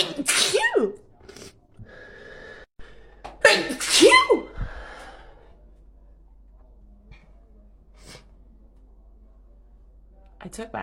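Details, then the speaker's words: Woman with allergies having a sneeze attack: two forceful sneezes with sharp in-breaths before each, then quiet; repeated allergic sneezing. "my allergy medicine as I promise [Music] um I had a sneeze attack we're good we're done"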